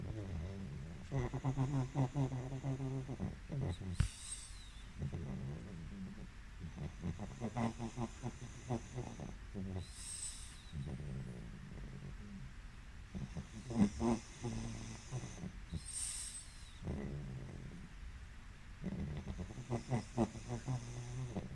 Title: Pug Power Nap and Snores